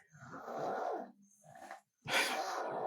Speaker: My son is snoring. Can you hear his snoring?